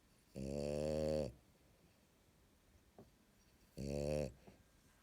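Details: Two loud, buzzy, vibrating snores about 3.5 seconds apart with quiet breathing between, from a sleeping French bulldog; loud snoring in a flat-faced dog.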